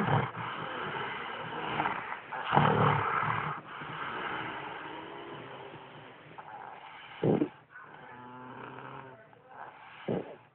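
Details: Rough, growly snoring breaths with grunting snorts, some with a throaty roar-like rattle: heavy snoring during sleep.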